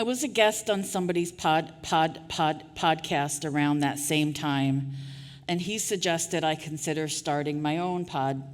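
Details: Real stuttering in an adult woman who was formerly a covert stutterer; part-word repetitions are heard.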